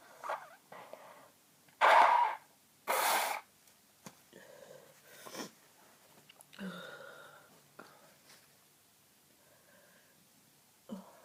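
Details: Person with a very congested cold and blocked nose: two loud sneezes with snuffly nasal breathing around them.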